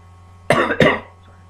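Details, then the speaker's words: Adult with a cough who says they sound a little funny: two quick cough bursts against a low steady background hum; a plain cough. "But sorry if I sound a little funny, I have a cough up in my mouth."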